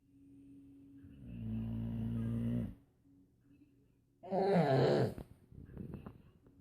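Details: 1-year-old girl imitating her Boxer's snoring: a low, rattling snore from the sleeping Boxer dog, followed by the child's higher, brighter grunting snore imitation in a quiet room; dog snoring.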